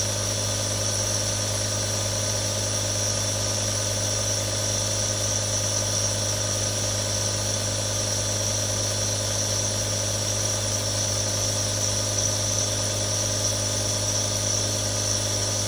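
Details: Real sound of a nebulizer running: steady mechanical hum with continuous hiss, no breaks throughout.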